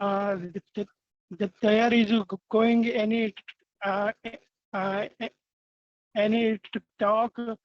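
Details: Adult male participant in a stammering group, a person who stammers, with audible word and phrase repetitions; stuttering.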